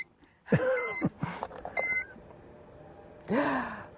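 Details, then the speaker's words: Two short high electronic beeps between breathy voice sounds: alarm of Dick Cheney's implanted ventricular assist heart pump, fitted for end-stage heart failure, as its batteries are removed. "It's powered by batteries. They're good for about 10 hours, and when you take them out, it beeps."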